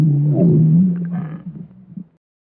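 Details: Stomach growling (borborygmi): a low, drawn-out gurgling growl lasting about two seconds, fading into soft bubbling.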